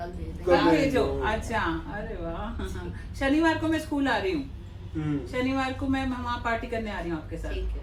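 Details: Adult woman speaking Hindi in conversation; Ordinary speech.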